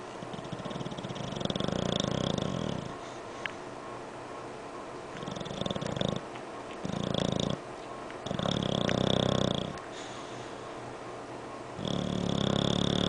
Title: MY ENGLISH BULLBOG SNORING